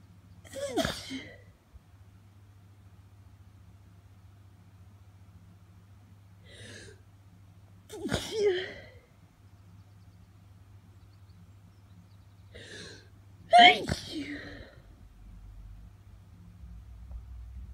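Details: Adult with hay fever, triggered by pollen after sleeping with the window open, sneezing in the morning despite allergy medication: three sneezes, each with a short in-breath before a sharp burst.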